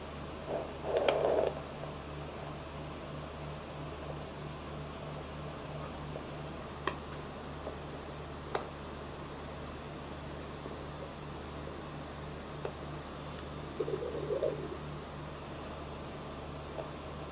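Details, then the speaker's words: Home Doppler at 22–23 weeks of a twin pregnancy: fast, steady whooshing pulse of a fetal heartbeat with occasional scratchy movement noises; fetal heartbeat. "So what I'm going to do this week is I'm going to add a little listening to the babies with the Doppler in. So let's do that. Alright, so we're just going to we're going to search for the heartbeat and listen to some of the sounds."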